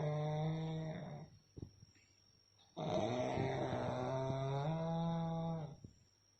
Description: Real sound of a snoring during a deep sleep.